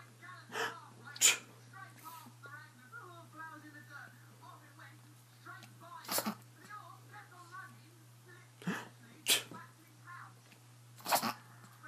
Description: My dog sneezing